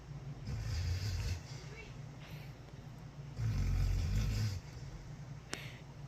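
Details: Snoring from a sleeping dog: loud, deep, rumbling snores on each breath, about two per five seconds.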